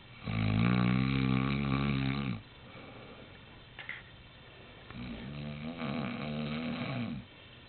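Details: Father snoring during sleep: loud, low, rumbling snores on the in-breath, each about two seconds, separated by quieter out-breaths.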